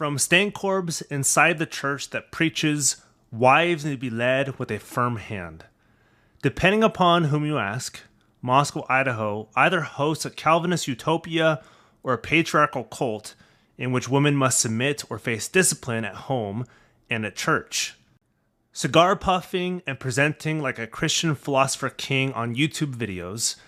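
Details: Adult male speaker; normal speech.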